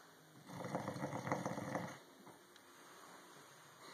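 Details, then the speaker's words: Person sleeping heavily: one rough, rattling, loud snore of about a second and a half, then quiet room noise. "I don't think that's good to be snoring that loud. I'm not sure."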